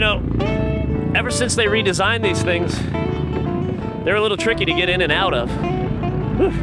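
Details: Adult male speaker; ordinary speech.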